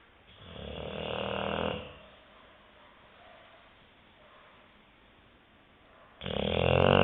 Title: BULLDOG SNORING :p